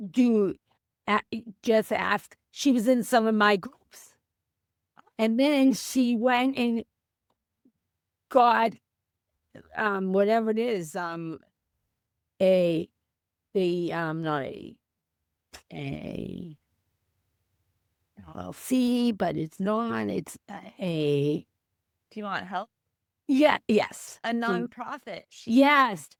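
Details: Female teacher with aphasia after a stroke on January 28, 2010, mute for three months, 15 years post-stroke; word-finding difficulty.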